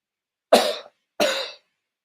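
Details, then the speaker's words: Adult imitating a cough to teach vocabulary (simulated): two short, sharp cough bursts about half a second apart. "If I make this noise, well, this is called cough."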